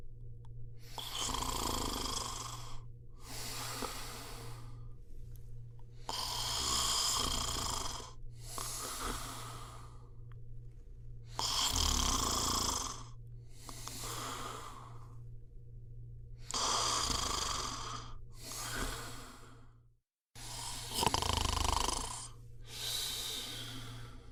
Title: صوت شخير Snoring sound